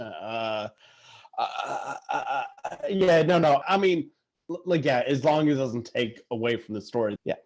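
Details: Adult man who stutters, speaking in conversation; stuttering.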